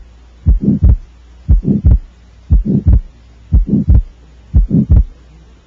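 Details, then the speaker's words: Atrial septal defect in a child, a left-to-right atrial shunt heard best at the left upper sternal border: regular heartbeat about 59 a minute, soft mid-systolic murmur, widely split fixed S2, possible softer diastolic rumble. "you hear it best at the left upper sternal border there's a widely split fixed s2 [Music] this is caused by a left to right atrial shunt we hear it mostly in systole although you may hear a softer diastolic rumble as well"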